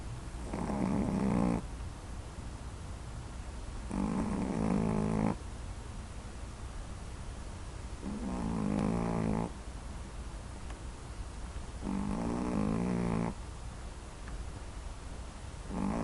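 Loud rumbling snores repeating about every four seconds, roughly 15 breaths a minute, over steady room hum; snoring in sleep.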